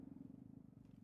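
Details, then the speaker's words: A low, rapid, fluttering rumble lasting about a second from the stomach of a hungry adult: audible stomach growling (borborygmi). "did y'all hear that that was my tummy I don't know if you heard that that was my rumbly that was oh gosh it was it was rumbling"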